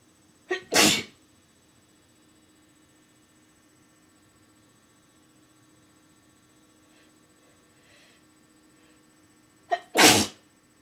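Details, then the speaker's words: Self-induced sneezes with an incense stick in a slightly stuffy person: two forceful, slightly wet sneezes about nine seconds apart, each with a short intake first; the sneezer felt dizzy afterward. "wow big ones today for oh my God I got dizzy from that one"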